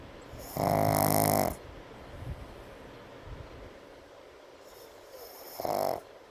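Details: Brindle Pug sleeping during an afternoon nap: two loud, rough snores several seconds apart with quiet snuffly breathing between them; snoring.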